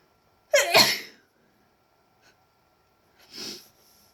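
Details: Self-induced sneezes: one loud voiced sneeze, then a softer hissing sneeze or exhalation a few seconds later.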